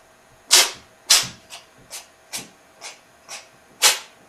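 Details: Cat that has been sneezing and coughing, the night before a vet visit, gives a run of eight quick, sharp, hissing sneezes in a quiet room; the first two and the last are louder.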